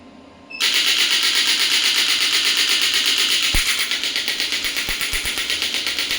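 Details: Clinical radial shockwave (ESWT) machine firing at medium frequency with energy raised to 25: loud hissing rattle of rapid mechanical pulses, about 160 per minute, starting abruptly, with a few dull knocks.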